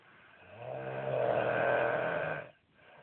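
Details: A husband snoring badly: one loud, rattling snore on a breath in that rises and then cuts off; heavy snoring.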